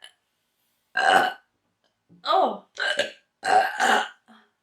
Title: Woman gets hiccups from induced burping